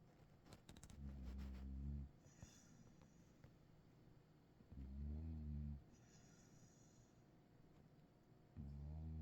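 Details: Deep, low rumbling snores about 16 a minute, each about a second long, with quiet exhalations between, from a deeply asleep Cattle Dog, audio only; snoring.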